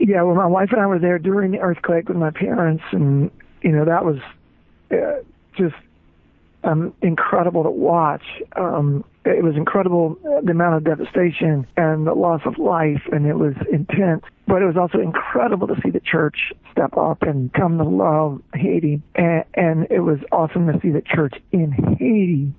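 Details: Adult male former rock singer diagnosed with spasmodic dysphonia, involuntary spasms of the muscles around the larynx, leaving him unable to sing; spasmodic dysphonia.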